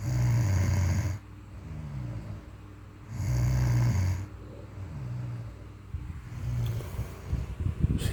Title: snoring